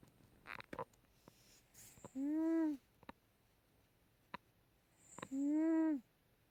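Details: A cat snoring: two drawn-out, whistly snores about three seconds apart, roughly 20 breaths a minute, with soft clicks between.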